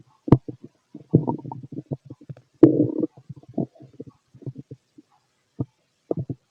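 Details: Fit male's stomach growling heard through a stethoscope: irregular gurgles and low rumbling bursts, some long and some brief; ordinary active bowel sounds.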